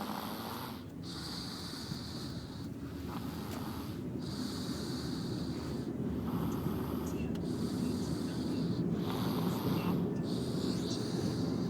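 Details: Sleeper snoring: steady low rumbling breath noise with a hissy snort every couple of seconds over constant background hum.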